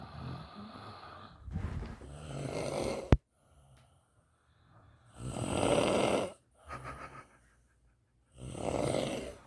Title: Snore off